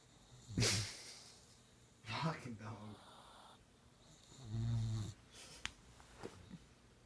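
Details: Female boxer puppy snoring with eyes wide open: low, rough snorting breaths recurring every couple of seconds in a quiet room; snoring.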